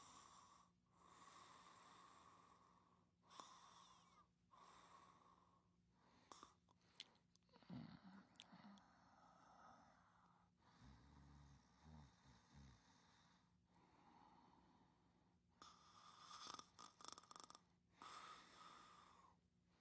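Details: Woman napping: soft, whistly snoring with repeated breath-linked noises and a few brief snorts and clicks.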